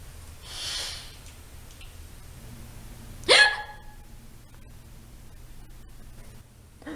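A single sharp, abrupt hiccup against quiet room noise, acted; a sudden involuntary diaphragm spasm ending in a quick glottal closure.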